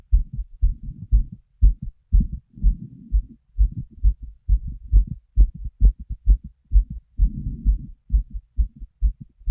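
Low heartbeat thumps through a stethoscope, fairly quick, with rustling and breath noise between beats.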